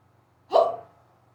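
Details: Sudden unusually severe, rapid hiccup bout after waking in the morning, lasting about 20 minutes in someone who rarely gets hiccups: a single loud, abrupt voiced hiccup with a quick upward squeak fading fast; hiccups.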